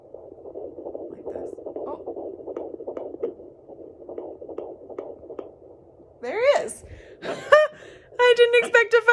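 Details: Fast, rhythmic whooshing pulses of a fetal heartbeat picked up by a home Sonoline B Doppler at 15 weeks.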